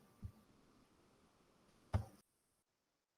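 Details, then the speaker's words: Simulated profound hearing loss (91–120 dB or more), unable to hear even very loud sounds like jet engines, trucks or fire alarms: near-silence with only two faint dull thumps. "O que significa que você pode ser incapaz de ouvir até sons muito altos como turbina de avião caminhão descendo a rua e alarme de incêndio"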